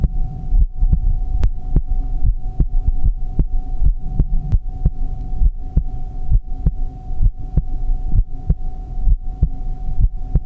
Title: Heartbeat sound | relaxing 💜